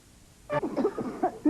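After a brief quiet, an adult gives a run of about five or six voiced, hacking coughs in a small room; an acted cough.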